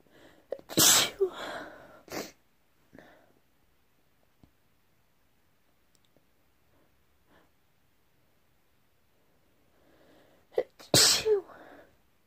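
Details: Two loud, sharp bursts of air about ten seconds apart, each preceded by a quick intake, with a quiet gap between: sneezes.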